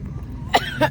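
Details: Child with Down syndrome eating candy with eyes squeezed shut gives two short, sharp dry coughs in quick succession, faint room noise behind; cough.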